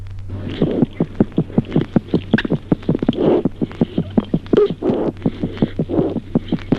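Rapid, regular, crisp heart sounds over a low steady hum, with no added murmur: normal heart sounds of a newborn.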